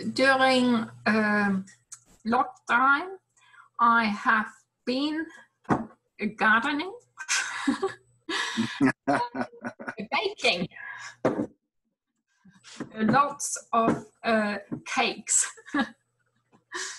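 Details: Person with aphasia after a stroke 5 years ago; aphasia.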